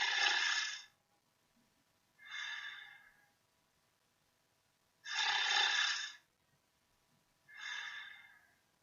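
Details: Snoring recorded with a piezoelectric sensor and LabVIEW: harsh, hissing breath noises alternating louder and softer each breath, about twelve breaths a minute, in a quiet room.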